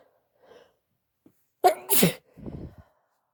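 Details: Woman trying to announce her sneeze: a faint sniff and catch of breath, then one loud two-part sneeze and a short trailing breath; sneezing.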